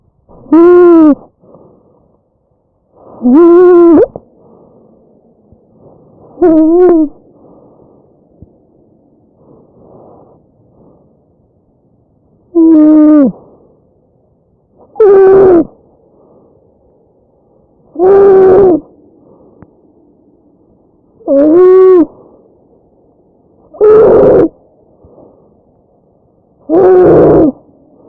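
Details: Tracheal stridor in a real patient: loud, musical, hooting breath sounds over the windpipe at about 20 breaths per minute, from a narrowed upper airway.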